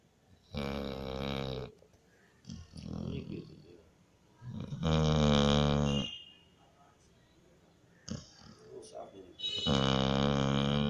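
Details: Sleeping Labrador retriever puppy snoring: three long buzzing snores, each about a second long, about four seconds apart, with softer breath noise between.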